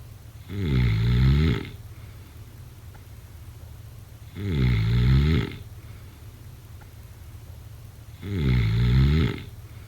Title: Snoring sounds…